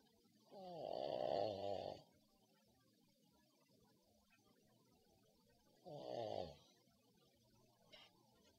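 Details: Pug snoring loudly while asleep: two loud, rattling, buzzy snores a few seconds apart over quiet room noise.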